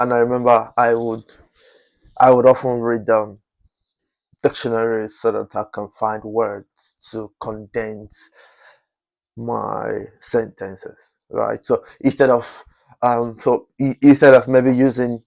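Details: Adult man whose stammering was once chronic and who still stammers occasionally; stuttering.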